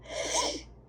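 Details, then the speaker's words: Person with allergies in a repeated sneezing fit, recorded with a second person who is also sneezing: a single forceful sneeze with a sharp airy burst. "Wow, it must be hard to to to have to sneeze in public with sneezes like that."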